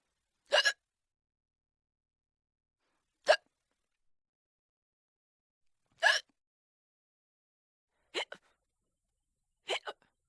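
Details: Five short, sharp hiccups over about ten seconds, irregularly spaced in a quiet room: hiccups.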